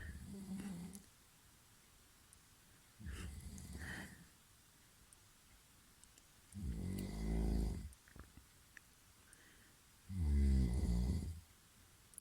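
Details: Brother sleeping in the background while someone records themselves: slow, deep rattling snores with long quiet gaps, about 20 breaths a minute; ordinary snoring in a quiet room.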